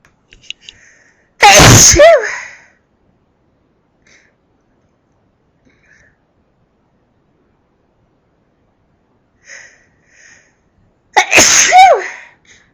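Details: Two loud, explosive sneezes about ten seconds apart, each preceded by a brief intake of breath; ordinary sneezing.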